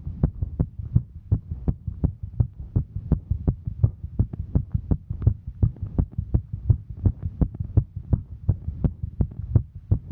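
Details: Heartbeat of a female while hiking: steady, fast, regular low thumps, roughly 85 double beats a minute, over a soft hum.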